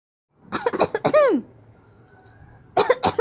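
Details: A 7-month-old baby gives a few short cough-like bursts and a voiced squeal, deliberately imitating a cough as a normal developmental behavior.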